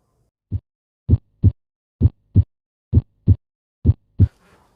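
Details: Steady paired lub-dub heart sounds at about 65 beats a minute, a normal S1 and S2, played as an audio reference for heart auscultation.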